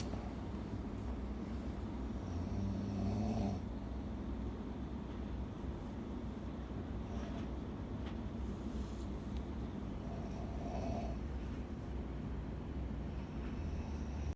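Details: Sleeping person snoring loudly: low, rough, rumbling snores repeat over steady room noise, fitting loud snoring.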